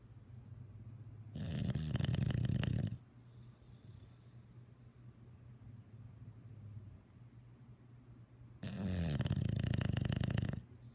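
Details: English bulldog snoring: two deep, fluttering inspiratory snores about 7 seconds apart over a quiet room hum, loud snoring from a short-nosed dog.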